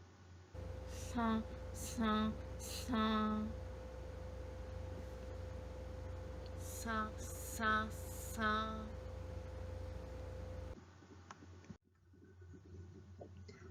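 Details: Passive nasal fricative, structurally related, with normal articulation; the sound becomes clearer with nasal occlusion; cleft palate/velopharyngeal dysfunction assessment context.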